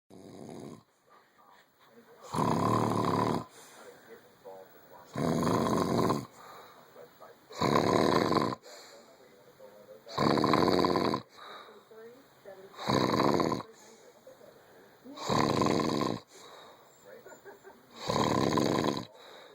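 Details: Loud, rough snores come regularly, about 23 a minute, with quiet breathing between them; heavy snoring.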